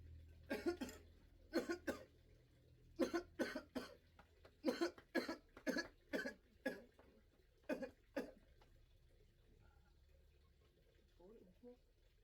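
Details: Sick adult man with fever and headache who still coughs a lot, possibly needing hospital: repeated wet-sounding coughs in pairs and short bursts, about sixteen coughs over twelve seconds, in a quiet room.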